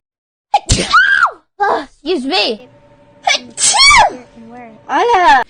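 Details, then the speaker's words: Person with allergies streaming as a VTuber over music, sneezing repeatedly: sharp sneezes mixed with high, exaggerated exclamations and squeals and repeated "excuse me"; sneezing. "uh excuse me excuse me oh god my nose i have allergies"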